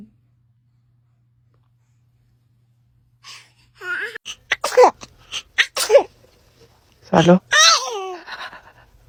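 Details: A baby sneezing, from a compilation of baby sneezes caught on camera, followed by laughter.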